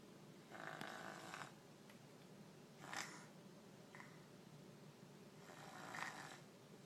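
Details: Sleeper snoring: three soft, rough snoring breaths about 2.5 seconds apart, roughly 22 a minute, over quiet room noise; ordinary snoring.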